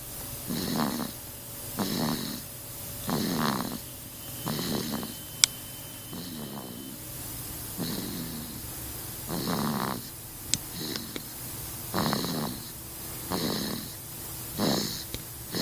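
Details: Sleeping baby boy snoring: soft rhythmic snoring on each breath, roughly 12 to 15 breaths a minute, with faint room noise.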